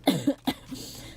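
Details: Girl coughing: two or three short, sharp coughs in a quiet room.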